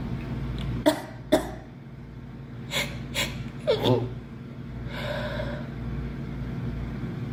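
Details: A girl sneezing: about five short, explosive bursts of air, some in quick pairs, in a run of sneezes over steady low background noise.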